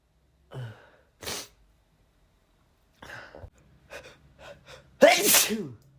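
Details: A male feeling slightly under the weather, with sneezes induced by chhinikkni: several loud, sharp sneezes, some preceded by short inhaled gasps, in a quiet room.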